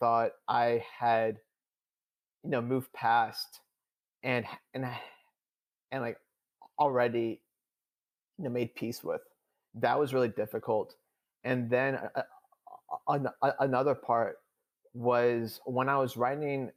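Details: Adult male who stutters, speaking in real conversation; he reports stuttering more than he had in years during a public talk; stuttering.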